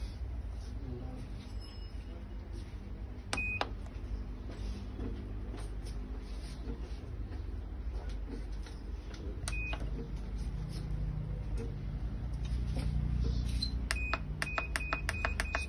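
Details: Motorized electric mini rehabilitation pedal exerciser being switched on and started via power, start and speed buttons: short high button beeps, then a low steady motor hum.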